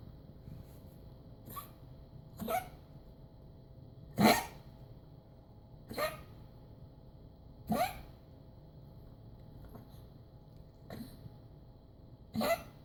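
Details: Dog Jack coughing on Sept 26, 2016, while upright: repeated short, harsh bursts, about eight over thirteen seconds, with quiet breathing between. Coughing lasted an hour that morning and resumed from about 4 p.m. until bedtime.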